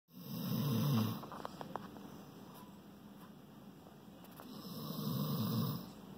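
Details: A shorthaired pointer dog asleep and comfortable, snoring: low rumbling snores, a loud fluttering inhale, then a quieter stretch and another snore, in a quiet room.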